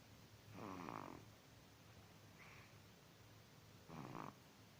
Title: snoring